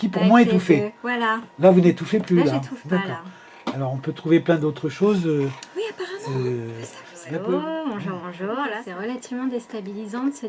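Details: Spasmodic dysphonia with a facilitating mechanism (whispering, speaking on inspiration, touching the cheek, pointing toward the face or neck, or raising or lowering the head), in the context of patients confined during the 2020 lockdown and unable to get their usual botulinum toxin injections.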